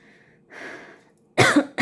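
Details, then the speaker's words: Single sharp cough from an adult woman, preceded by a softer breathy sound, in a quiet room during a spoken tarot reading; speaker remarks she is coughing. "কাশি হচ্ছে আমার হতে পারে আপনাদের throat চাক্রায় problem রয়েছে"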